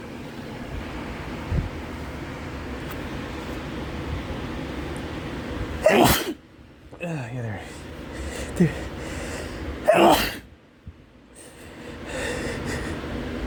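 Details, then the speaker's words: Repeated allergic sneezing: two forceful sneezes a few seconds apart with brief sniffing between, over steady box-fan noise; attributed to pollen drawn indoors by fans while the AC is broken; nose-blowing not helping. "oh jeez i keep blowing my nose but nothing it doesn't help i just keep sneezing"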